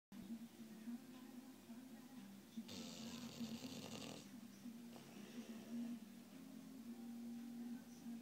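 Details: 5-month-old bullmastiff puppy snoring: steady low rumbling snore with a louder rattling breath partway through, television playing in the background.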